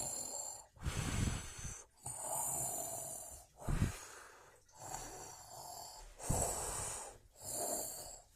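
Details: A resting leopard gecko (eublepharis), found to be the source of the snoring: repeated noisy breathing with low rumbling snorts, about 23 a minute, irregularly spaced.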